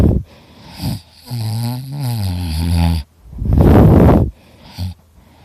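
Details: Person recording their own heavy snoring while very tired: loud rattling, fluttering snores on the in-breath with harsh snorting out-breaths.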